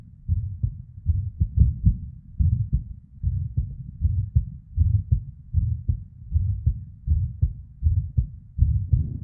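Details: Female heartbeat recorded as inside heart sounds: irregular rhythm with PVCs/ectopic beats and murmur (blood flow) sounds: irregular heartbeat with premature ventricular contractions and murmur.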